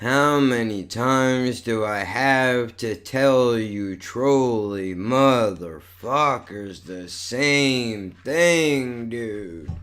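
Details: Adult male with cerebral palsy and multiple sclerosis, who says this neurological disorder affects his speech; dysarthria.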